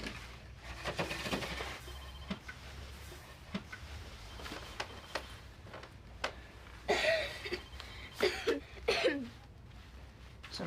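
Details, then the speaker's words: Acted (TV drama) harsh cough from a child with long-standing asthma, worsening over the last few days: three or four harsh coughing bursts near the end over quiet room noise; cough. "nasty cough you got there."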